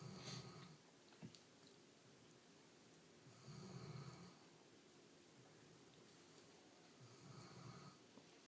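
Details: Sleeping dog snoring: soft, rumbling snores repeating at about 17 per minute in a quiet room, steady rhythm.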